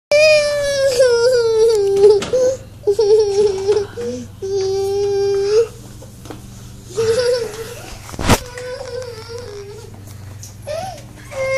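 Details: Young child crying in long, high, wailing sobs with catches of breath in a small room; ordinary crying.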